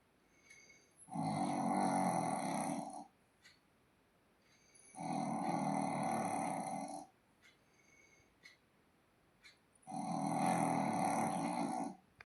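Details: Sleeping dog snoring: loud, rumbling snores about two seconds long, roughly one every four seconds, with quiet pauses between.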